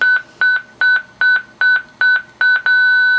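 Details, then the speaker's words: Zoll X Series monitor demonstration of synchronized cardioversion for a scenario patient in ventricular tachycardia: rapid regular beeps while the defibrillator charges to 100, then a steady ready-to-shock tone; simulated, with no real shock delivered. "as soon as it gets up to 100 you can hit the florescent shock button"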